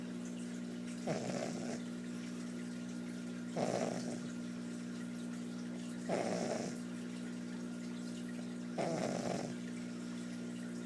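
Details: Snoring in a pug puppy: regular, rattly snores about every 2.5 seconds, roughly 23 a minute, over a steady background hum.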